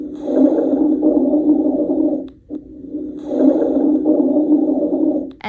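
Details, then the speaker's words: Rhonchi from a nursing lung-sound lesson: deep, low-pitched continuous rumbling through two long breaths, from secretions in the larger airways, often clearing with coughing. "ronai think of a rhino they make low pitched deep sounds this one is continuous too but often clears with coughing"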